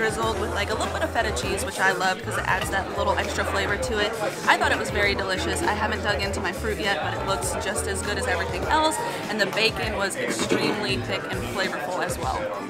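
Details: Adult speaker, likely female; Normal speech.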